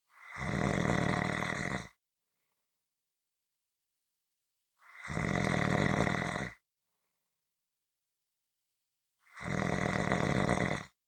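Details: Three loud, rough snores on inhalation, each about 1.5 seconds, evenly spaced with silent pauses, about 16 per minute; snoring.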